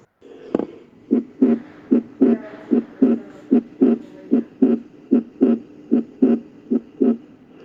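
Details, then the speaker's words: Normal heart sounds heard at the pulmonary area, second left intercostal space at the left sternal border: regular paired sounds at about 75 beats a minute during a cardiac auscultation sequence. "Foco pulmonar. Se va a encontrar en el segundo espacio intercostal izquierdo en el borde esternal izquierdo."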